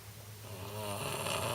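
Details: Snoring from an old home recording: a single rough, rumbling in-breath snore building in loudness over about a second.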